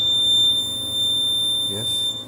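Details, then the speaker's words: Ventilator pre-use device check with compressor supplying air: steady high-pitched continuous audible alarm tone during the alarm sound check, with brief room voice; a flow calibration failure followed. "audible alarm sound check do you hear the audible sound yes"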